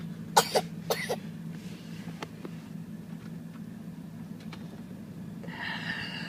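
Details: Two quick pairs of short, sharp sneeze bursts, then quiet room noise; a child who finds sneezing hilarious and laughs at it, said to have a tickle in his nose.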